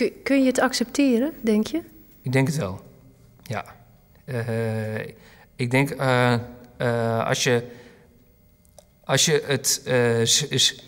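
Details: Dutch-speaking person who stutters, interviewed in a documentary about people who stutter; long pauses between phrases may be stuttering blocks, though this stretch is not labeled; stuttering.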